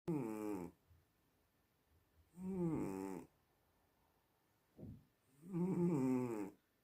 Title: Snoring Cat^^